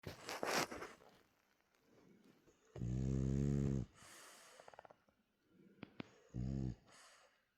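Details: Real sound, no music: a sleepy French bulldog with half-open eyes snoring; loud rumbling snores on the in-breath alternating with airy out-breaths and snuffles. Snoring.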